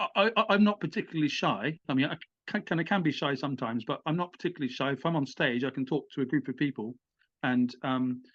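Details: Adult British man, stammering with blocks, had speech therapy; stuttering.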